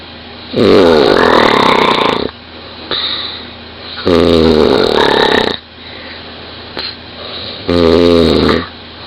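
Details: Loud snoring from a 20-year-old woman asleep in bed, recorded by her partner lying next to her.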